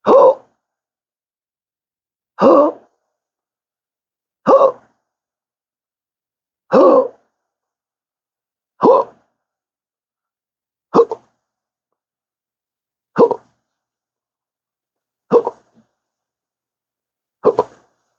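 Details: Adult with rare persistent hiccups since December 2015 after surgery with nerve damage, 12-hour daily episodes with occasional burps, worse when talking; repeated abrupt voiced hiccups, about 14 a minute, steady pace, separated by silence.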